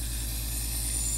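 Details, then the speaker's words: Steady low motor hum with constant hiss from a Maluk portable nebulizer CN69 switched on, dial adjusting vapor output; owner with chronic lung issues testing it for nebulized hydrogen peroxide. Nebulizer running. "So I'll switch it on and you'll see it actually running, as you can see there. And then I will turn the dial at the top, which adjusts the volume of nebulized vapor."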